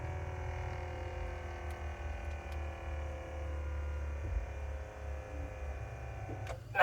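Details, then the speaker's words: moonO hand-pillow automatic blood pressure monitor measuring with the hand resting on the pillow: steady low motor hum with faint whine as the cuff inflates; result 120/67 mmHg, pulse 76 per minute, announced as normal. "The design of the hand pillow not only increases comfort, but also positions the hand in the optimal state for accurate measurement. Starting measurement. Please relax."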